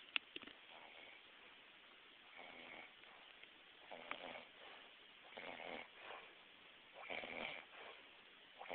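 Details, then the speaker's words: Adult snoring after two days without sleep: rough, rattling snores in close pairs, a double snore with two noisy sounds per breathing cycle, over faint room noise. "I wasn't really aware that someone can snore in doubles didn't know it could happen"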